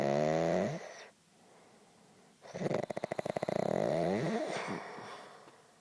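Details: Man snoring at 3:30 am: loud fluttering, rattling, mower-like vibrating snores with a brief pause between breaths.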